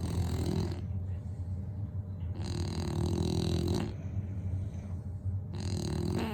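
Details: Bullies snoring; low, rumbling snores in repeated long bursts with a rattling quality: snoring.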